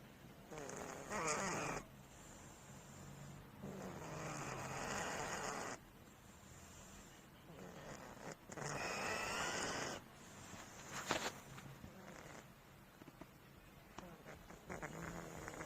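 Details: Rough, rattly snores on each breath, in and out, about every two to three seconds; a cat snoring in deep, tired sleep.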